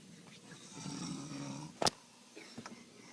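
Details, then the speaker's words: Adult man who claims he never snores, snoring while asleep: a single soft, rattling snore on inhalation, then a sharp sound and quiet room noise. "You are snoring your ass off. Dude, I told you it was all you snoring."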